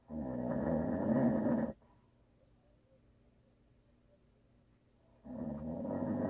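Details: Husband who always snores, recorded for ASMR with no video: loud, rough, rumbling snores on the in-breath a few seconds apart; snoring during sleep.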